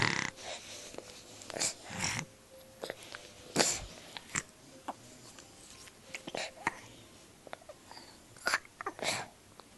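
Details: Snoring.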